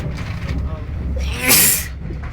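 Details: Man faking sneezes on a train in Israel: a single loud, explosive simulated sneeze over background noise; sneeze.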